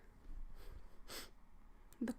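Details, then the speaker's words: Very soft, stifled sneeze from an adult woman: a brief hissing burst of air, then a small follow-up breath sound. "i'm gonna sneeze oh no ah"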